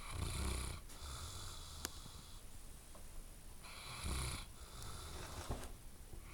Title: Sleeping Dog Snores Loudly